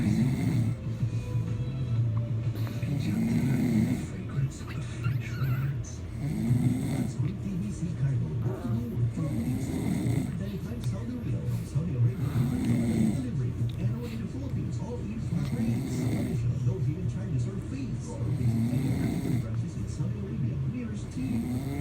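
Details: Father snoring in sleep, disturbing a baby: loud, regular rumbling snores about every 3 seconds (roughly 20 a minute), with music and voices in the background.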